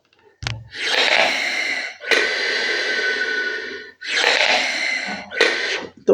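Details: Several long, forceful rushes of air through a Respiron incentive spirometer (breathing exerciser) with the mouthpiece removed, demonstrated by a respiratory physiotherapist as an incorrect way of using the device.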